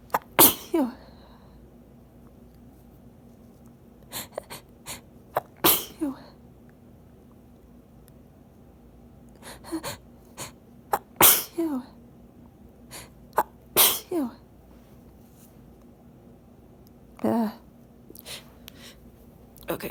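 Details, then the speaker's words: Late-night sneezing fit muffled into a handkerchief, with the sneezer unable to take a full breath: repeated sharp sneezes in quick succession, each with a short inhaled catch before it, with quiet gaps between. "I feel like they sound weird you because I can't take as much air as I want to you Oh they're ruffled into the hankie that's why they sound quiet cuz it's late"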